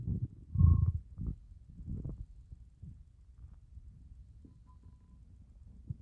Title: 30+ hour fast stomach growls 🤭 I'm STARVING!!